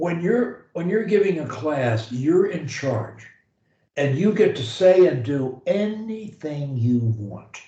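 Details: Adult speaker; typical speech.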